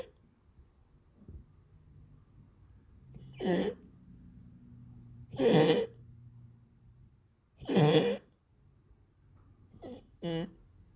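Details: Coughing in a pet, now much more frequent: four or five short, harsh coughs spaced a few seconds apart over quiet room hum; a recurring cough.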